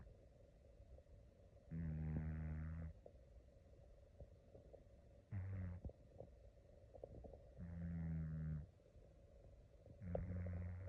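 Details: A sleeping cat gives four low, rumbling snores about every three seconds, roughly 20 breaths a minute, with faint steady hum between.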